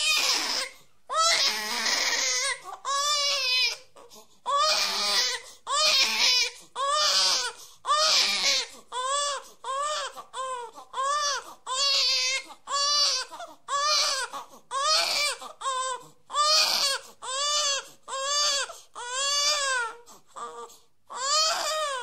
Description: This is the sound effect of a baby crying.